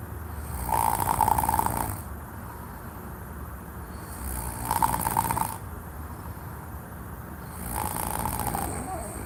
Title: Even his snoring sounds delusional...